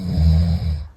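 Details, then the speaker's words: Roommate's loud snoring, said to be far louder in reality: a single loud, low, rumbling snore from a sleeping adult, fading at the end. "これ音拾えてんのかな聞こえてますかねこれ僕のいびきじゃないですよ"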